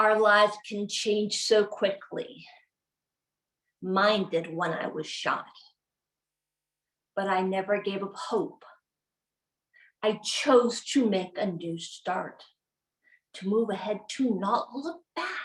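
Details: Aphasia in an adult woman, a former congresswoman, acquired from a gunshot wound to the head in January 2011; she initially could not walk or talk; effortful, fragmented speech with word errors.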